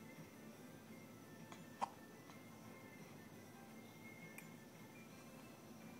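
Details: A person relaxing in a quiet room with a faint tonal hum hiccups once sharply and briefly, then more softly a few seconds later.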